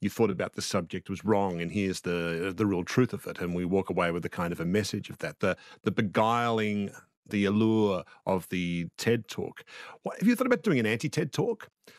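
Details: Adult man; normal speech.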